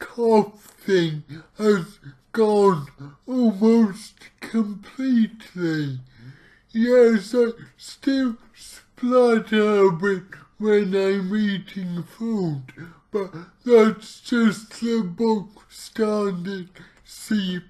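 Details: Man with cerebral palsy, about two weeks into trying a keto diet to see whether it affects his CP; real speech, heavily distorted; dysarthria (cerebral palsy).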